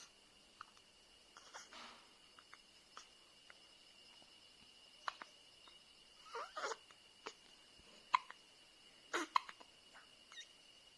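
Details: Newborn baby girl with hiccups: brief, sharp hiccup sounds recurring irregularly, about 49 a minute, over a quiet room hum.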